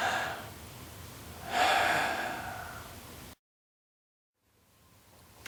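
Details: Deep abdominal-to-chest breathing technique used to aid expulsion of fluids from the lungs, with a long, powerful exhale; normal breath sounds.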